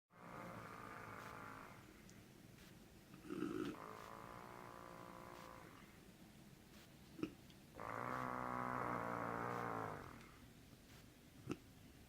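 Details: Mother snoring, likened to a wet fart: long, loud, rattling snores on each in-breath with quieter breathing between; ordinary heavy snoring.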